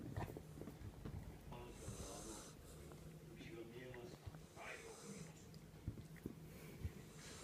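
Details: Faint snuffly snoring from a sleeping female Jack Russell Terrier, partly masked by room noise.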